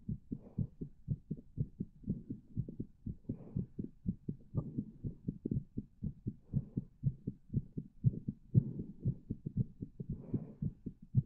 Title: My Pleasure Heartbeat